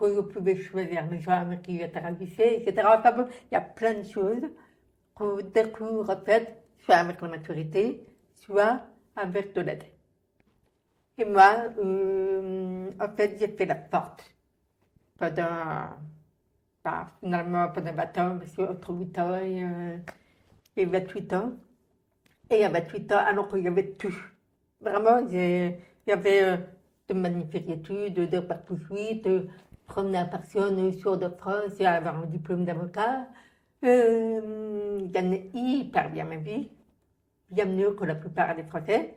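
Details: Deaf speech in French from an adult woman born profoundly deaf who had thousands of hours of speech therapy from childhood and lip-reads; real speech.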